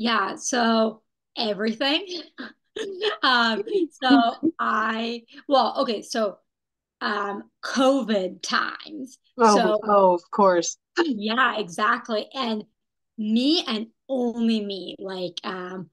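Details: Young woman who had a stroke at age 27, previously healthy, with post-stroke aphasia, after intensive rehabilitation program; aphasia.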